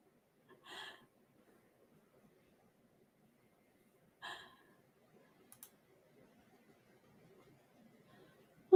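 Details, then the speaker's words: Light, soft snoring breaths about 3.5 seconds apart over a quiet room, from the owner's sleeping female pet dog. "at that little angel just a snoring she so funny I love her so much it's my dog"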